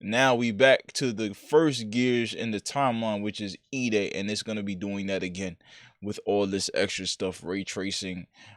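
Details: Adult man speaking; ordinary speech.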